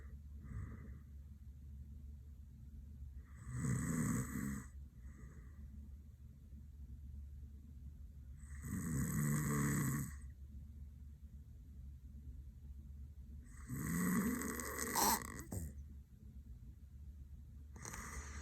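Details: Adult man passed out with eyes rolled and mouth open, snoring: regular loud snoring at about 12 breaths a minute, rough and rattling on each breath, with low room hum behind.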